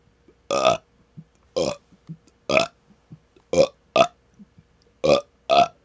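Seven loud, voiced belches in quick succession over about six seconds, with brief quiet gaps between them: repeated burping (eructation).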